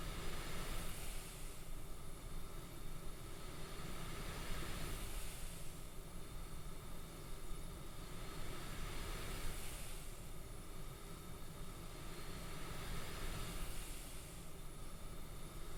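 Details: Real CPAP machine sounds during sleep, uninterrupted: steady rushing airflow with soft hissing swells about 14 times a minute.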